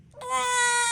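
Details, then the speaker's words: Newborn girl in hospital just after her newborn hearing screen, which she passed in both ears: a single short, clear, high-pitched wail with a strong, steady voice; an ordinary brief newborn cry. "That's just sad, your cute little cry. She's really beautiful. I'm sorry, I made her cry a little bit there, but I'm glad she can hear."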